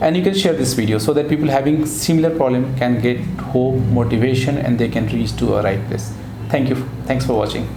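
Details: Adult male speaker; Typical speech.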